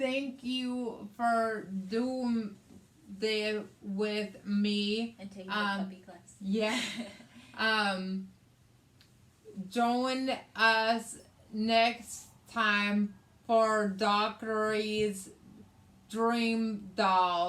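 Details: Adult woman with aphasia, also affecting reading and writing, after a hemorrhagic stroke on May 19th 2020 that needed brain surgery and ICU care and left right-sided hemiparesis; aphasia.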